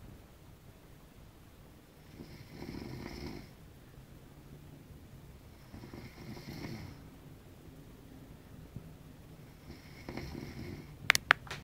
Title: Snoring